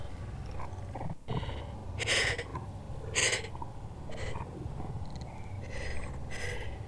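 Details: Slowed-down recording of an adult's sneezes: breathy build-ups leading into several forceful noisy bursts over a low continuous rumble, the stomach growling being an added sound effect; sneezing.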